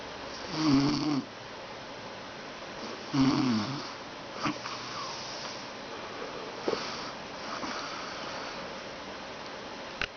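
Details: An aunt snoring: two loud rattling snores on breathing in, roughly 2.5 seconds apart, then quieter breathing with faint room noise.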